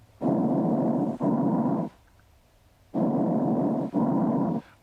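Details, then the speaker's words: Bronchovesicular breath sounds, normally heard in the first and second interspaces anteriorly and between the scapulae posteriorly: medium pitch and intensity, inspiration and expiration about equal in length, with a brief pause between. "bronchovascicular sounds have an intermediate pitch and intensity [Music] inspiratory and expiratory sounds are about equal in duration and a silent gap may or may not separate"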